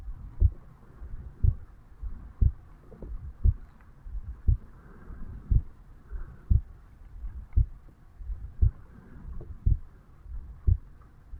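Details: Normal heartbeat of a 35-year-old man, self-recorded over the mitral (bicuspid) valve area upon waking in the morning.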